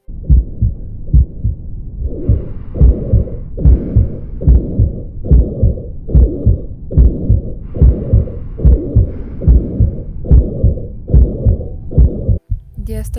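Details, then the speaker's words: Heart auscultation at the apex: regular heartbeat near 72/min with a blowing systolic murmur starting right after S1, filling all or nearly all of systole, radiating to the left axilla; mitral regurgitation. "систолический шум на верхушке сердца свидетельствует наличии недостаточности митрального клапана шум начинается сразу после оставленного первого тона занимаясь всю или почти всю силу и хорошо проводится в левую аксилярную область"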